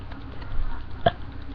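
One sharp, abrupt hiccup over a background of TV talk. A single hiccup.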